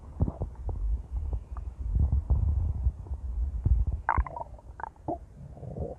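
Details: Intense, loud stomach growling: deep rumbling and gurgling with low bubbling pops and a few higher squeaks, ordinary gut movement (borborygmi).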